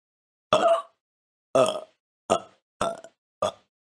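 Five short, voiced burps in quick succession, each a low rumbling belch fading out.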